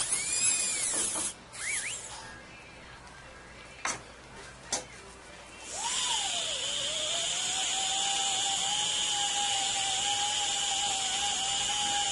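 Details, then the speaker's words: A few clicks, then a steady high-pitched dental drill whine removing cement from a replacement bridge, upper left, before polishing; patient had a loose, roughly 12-year-old bridge with a hidden root infection. "so what we want to do here is go ahead and get the cement out"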